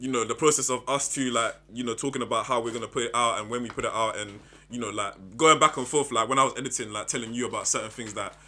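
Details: Adult speaker; normal speech.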